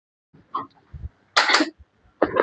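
A few short, harsh bursts from the throat in a quiet room, a throat clearing or small cough.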